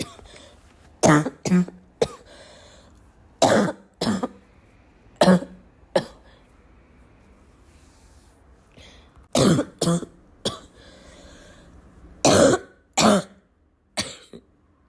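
An adult coughs in short bursts about thirteen times, with some throat clearing, in a quiet room.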